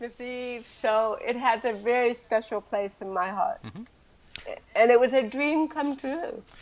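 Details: Adult woman with cerebral palsy since birth, also hearing impaired and wearing hearing aids, speaking in an interview; dysarthric speech in cerebral palsy.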